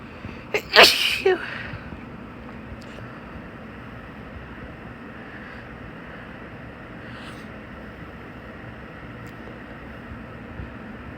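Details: Barking sneezes; a single sharp, forceful sneeze burst near the start, then steady room or road noise.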